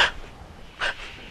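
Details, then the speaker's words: Adult imitates a small child's normal breathing pattern: two quick, short breath sounds with brief breaths rather than a full exhale, illustrating how a young child breathes. "и еще одна категория это дети как дышит маленький ребенок"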